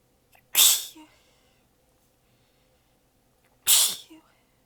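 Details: Two forceful, hissing sneezes seconds apart in a quiet room, from an exhausted adult with sore abs biting back sneezes and changing positions; part of a long, massive sneezing fit.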